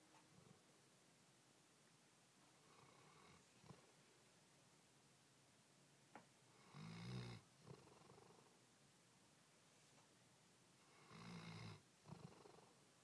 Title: Snore!!!_2010_0429